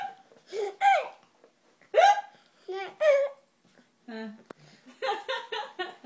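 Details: Young boy laughing at his father, with hiccups: sharp, brief hiccup-like catches mixed with giggles and laughter.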